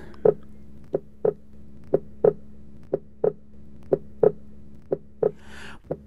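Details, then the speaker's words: Simulated pulse synchronised to heart sounds for teaching: regular thumps about 120 a minute alternating high and low volume, pulsus alternans from alternate normal and weak ventricular contractions, seen in left ventricular failure. "pulses alternates here we feel alternate high volume and low volume pulse due to alternate normal and weak ventricular contractions seen in left ventricular failure"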